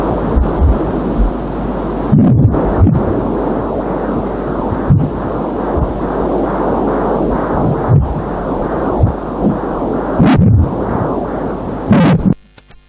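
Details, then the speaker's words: Rapid, regular whooshing pulses through static from a home Doppler on a pregnant woman's abdomen (first pregnancy); fetal heartbeat. "i think i can connect it to the camera so we can try and capture the heartbeat"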